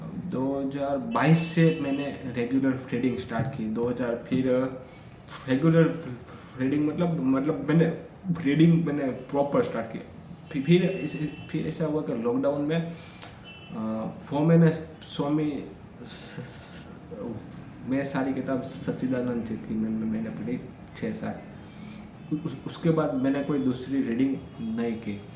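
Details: Adult male who stammers, speaking Hindi freely as continuous-speech practice on day 5 of a daily stammering practice routine; stuttering.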